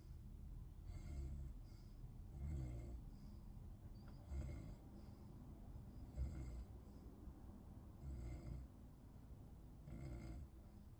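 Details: Low, rattling snores about every two seconds, roughly 30 per minute, with quieter breathing between, from someone asleep in a bed; ordinary snoring.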